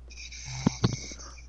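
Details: Adult man who fell asleep during an online video-game session: a loud, roaring snore picked up over his microphone; snoring.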